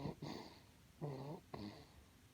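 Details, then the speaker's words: Sleeping baby after feeding gives short, soft, rattly snores with each breath in a quiet room; snoring. "这个视频主要就是让你们听一下这个呼噜声。"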